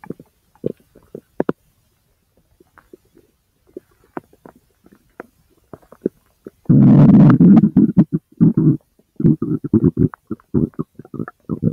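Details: Active bowel sounds (borborygmi) recorded from own abdomen over the large intestine: scattered gurgles and clicks, then a long loud rumbling gurgle followed by bursts of bubbling.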